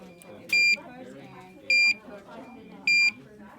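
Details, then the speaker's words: Three short, evenly spaced high beeps from a morphine IV PCA pump (1 mg dose, 5-minute lockout) as it is switched on and programmed in a simulated nursing demonstration, with quiet talk in the room. "so now i have my pca key the code on the back i can start to program my pump here so we're going to turn it on um"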